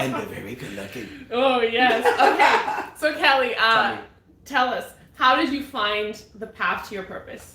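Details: Adult woman speaking; Normal voice.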